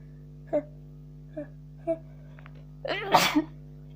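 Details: Person sick with a cold sneezing: a few soft vocal sounds, then one loud, sharp explosive sneeze.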